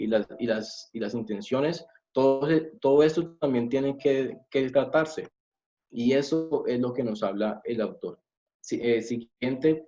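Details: Adult man who says he is a person who stutters, giving a Spanish-language presentation; stuttering.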